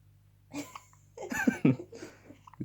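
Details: Hiccups: short, abrupt, breathy catches, a few in under three seconds, mixed with soft voice sounds.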